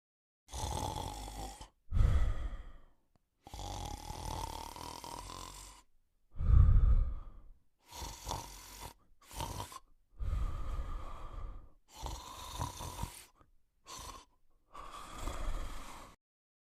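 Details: A sleeping male Cocker Spaniel snores in low, rumbling breaths, with a few louder snorting inhalations mixed in.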